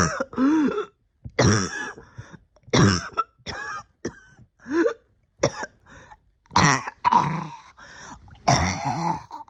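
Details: Persistent cough in an adult sick since the end of the previous year, struggling with breathing for about a year: repeated harsh coughs and throat clearing in quick bursts with short pauses.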